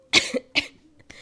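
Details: Two short, harsh coughs from an adult who says they are sick and their voice sounds awful, then a faint, brief third sound.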